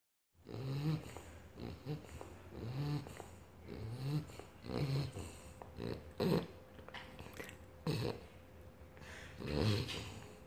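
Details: 3-month-old British bulldog puppy snoring while asleep; low, rumbling, irregular, rattly snorts with each breath, about 18 a minute.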